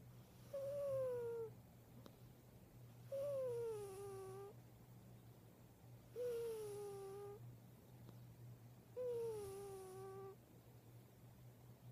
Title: snores